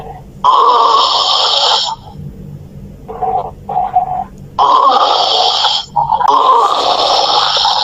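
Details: Loud, harsh rasping bursts on each inhalation with softer rattling between them, in a quiet room: heavy snoring.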